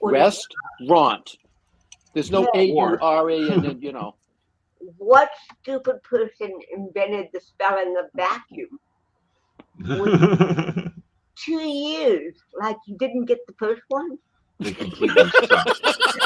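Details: Dysarthria in an adult woman born in 1956 with congenital cerebral palsy, speaking in an interview; real, not acted.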